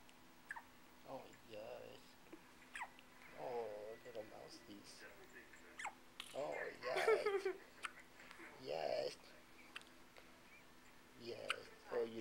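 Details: Newborn girl, less than a day old, with her first hiccups: soft, brief mouse-like hiccup clicks at irregular intervals, mixed with small infant sounds and quiet adult talk.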